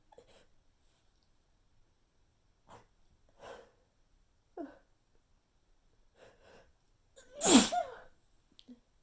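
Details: Sneezing fit from a persistent nasal tickle that gave only weak, unsatisfying sneezes: a rapid string of small, stifled sneezes with quick breaths between, ending in one louder sneeze.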